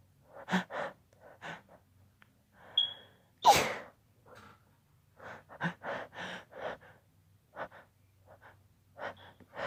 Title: Holdback sneezes